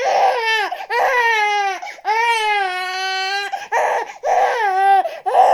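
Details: Crying baby: repeated loud, high-pitched wailing cries with rising and falling pitch, separated by brief catches of breath; infant crying.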